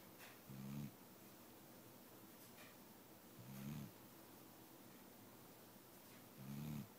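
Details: Dixie, a pet dog who has been unwell, snoring: three low rumbling snores at about 20 a minute, with quiet breathing between.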